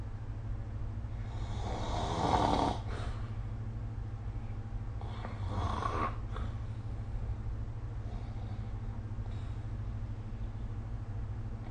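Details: Sleep snoring recorded with the SnoreLab smartphone app: two rough, rattling inspiratory snores over a steady low room hum, with fainter breaths between; ordinary snoring.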